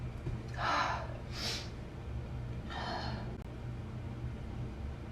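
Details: Person: several quick, explosive, airy bursts in succession over a few seconds in a quiet room, followed by "bless me"; a series of sneezes.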